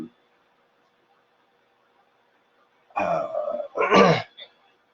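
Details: Vocal tic (throat clearing) in an adult male with Tourette syndrome.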